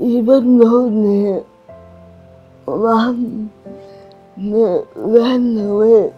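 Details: Adult woman with cerebral palsy, with slurred speech and restricted movements; dysarthria (cerebral palsy).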